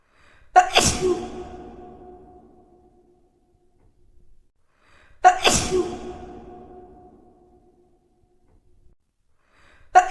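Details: Sneezing compilation: two sharp, explosive sneezes, each with a quick intake of breath before and a ringing echo fading after, then a third beginning at the end.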